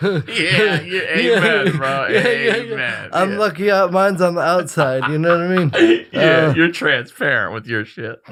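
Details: Adult male with cerebral palsy since birth, attributed to brain injury or lack of oxygen at birth after an emergency C-section; dysarthria.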